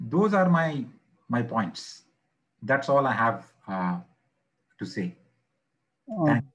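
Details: Adult who stammers, not fully recovered; blocks on words, struggles with words starting with M or N, stutters more under pressure when presenting; real stuttering.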